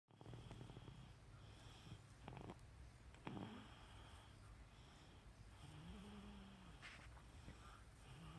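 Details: Adult snoring while asleep: low, rumbling, fluttering breathing noise with a faint tonal whistle partway through.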